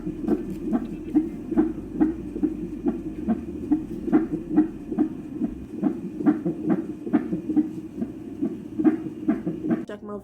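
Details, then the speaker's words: Fetal heartbeat checked in hospital before labor induction in a mother giving birth with Covid-19 who had a fever: rapid, regular whooshing Doppler pulses at about 140 beats a minute. "i was trying to keep my peace because i i didn't want to stress myself and stress the baby and everything so they checked the baby heartbeat"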